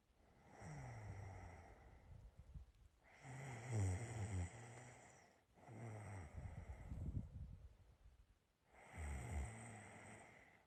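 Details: Four low, fluttering snores with snorting breaths, about one every 2.5 seconds, from a person's own snoring recorded during sleep; snoring.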